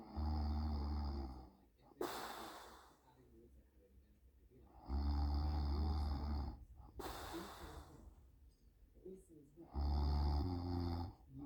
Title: Snoring (for sound clip) 20221207